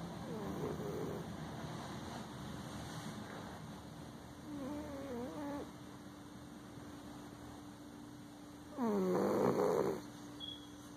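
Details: Siamese cat sleeping in his favorite old chair, snoring with three rough, whistly snores about four seconds apart, roughly 15 breaths a minute, over a steady background hum.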